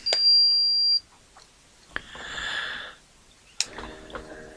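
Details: Man with a headache and overnight leg cramps taking a home blood pressure reading: a steady electronic beep of about one second, then a brief soft whir and clicks as the automatic cuff starts to inflate; blood pressure monitor beep.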